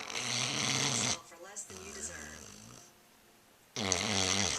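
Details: Four-year-old Basset Hound asleep after a long day of running; loud, rough snoring bursts separated by quieter breathing: snoring.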